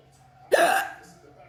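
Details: A single sharp, loud, voiced gulp with a sudden onset, typical of a hiccup.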